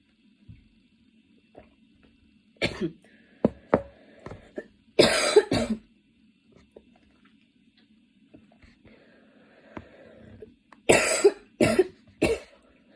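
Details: Person studying for an exam has a worsening cough attack, changing positions (standing, kneeling, sitting with hands on knees) to relieve the chest: harsh coughs in clusters of two to three with throat clearing and short breaths; coughing fit.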